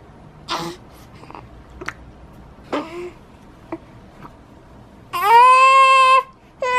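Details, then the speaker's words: 5-week-old baby boy who has been vomiting: short grunting whimpers, then a full sustained wail. Parent interprets it as the Dunstan 'Eairh' cry for lower wind (gas). "from the Dunston baby language I'm guessing that his is something to do with um lower gas and that's why we saw him vomiting"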